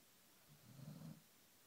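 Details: Snoring in a sleeping Great Pyrenees puppy that can't get air through his nose quietly: one soft, low, fluttering snore under loud background hiss; louder in real life than on recording.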